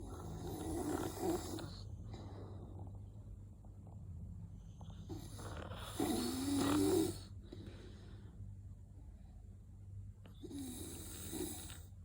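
Rough, rumbling snores recurring every few seconds against a steady low hum; ordinary snoring during sleep.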